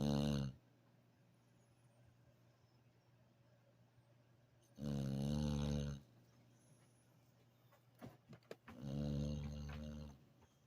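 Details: Snoring after a hard day of play: deep, buzzing snores roughly every four seconds, with quiet pauses and faint clicks between; snoring.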